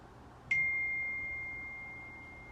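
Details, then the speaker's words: Woman sick for several days with high temperature and cough retakes her temperature: a single high, steady electronic beep that slowly fades as the digital thermometer finishes; reading 99.1. "I kind of want to take my temperature again just to see where it's at so one second I'm gonna go get my thermometer on him back"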